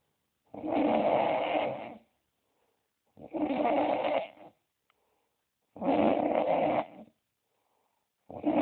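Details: Ordinary snoring: steady, rattling snores of about a second each, repeating roughly 23 times a minute with silence between them.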